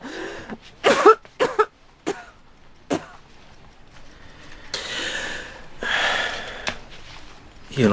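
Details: An adult woman in an Italian-language film scene gives a run of short, voiced, acted coughs, then longer harsh, breathy hacking; another character says it always happens when she laughs too much.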